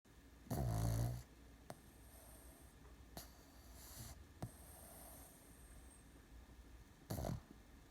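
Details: Dog asleep on his back, snoring loudly enough to wake himself: a loud rumbling snore, then soft snorts and breaths, then another short snore, with a brief rousing.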